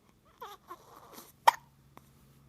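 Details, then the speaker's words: Infant boy, fussy earlier, now sitting quietly: soft baby sounds followed by a sharp, abrupt little gulp and a fainter second one; infant hiccups. "Talk to me. The hiccups. The monkey boy has hiccups."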